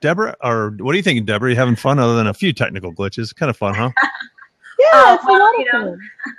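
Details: Adult speakers in conversation; typical speech.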